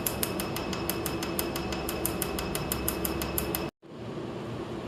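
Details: First tattoo removal session on a large tattoo on the left arm, which patient says hurts less than the smaller one; rapid sharp snapping laser pulses, about three a second, over room hum, then a sudden stop as treatment finishes.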